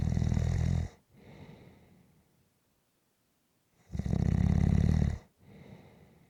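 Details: Napping person snoring: loud, rattling snores on each in-breath followed by a softer out-breath, two cycles with a pause between; heavy snoring.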